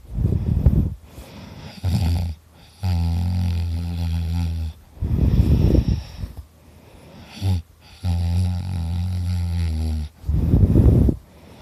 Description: A quick video of me snoring super hard and loud I was so tired !